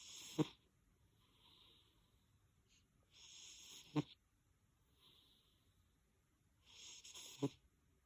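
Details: A sleeping cat snores in a steady rhythm, about 17 breaths a minute, each noisy inward snore ending in a short snort, with quieter whistly outward breaths.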